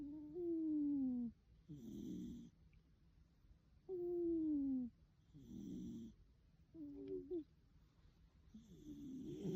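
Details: Slow, uneven snoring of a sleeping rescue cat about 17 a minute, tonal whistling inward snores alternating with rougher breathy outward snores; owner is a little worried.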